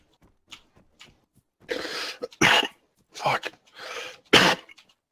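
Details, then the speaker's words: Person who hiccups every time they cough, a new problem that just started: several short, harsh cough bursts, some followed by abrupt hiccup-like catching sounds, in a quiet room. "time I cough, I hiccup. Every time I cough, I hiccup. It's a disease, dude."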